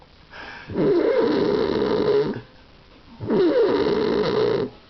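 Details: Sleeping adult man (dad) snoring: two long, loud, rattling inspiratory snores at roughly 25 per minute; he reportedly starts to choke later.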